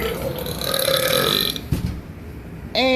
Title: Crazy burping guy 3